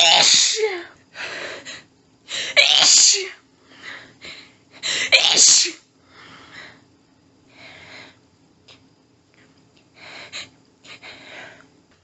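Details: Female, nose tickly all day, unable to stifle: several forceful sneezes in quick succession with panting breaths between, an intense, uncontrollable sneezing fit.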